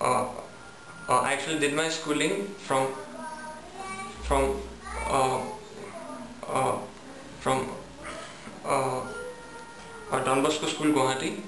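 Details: Young adult male student recorded before stammering therapy; repetitions and hesitations audible; stuttering.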